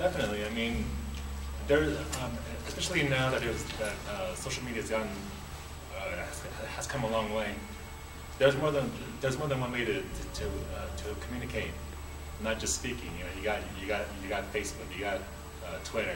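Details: Adult man who stutters, on a stuttering symposium Q&A panel, seen by a speech therapist in childhood; stuttering.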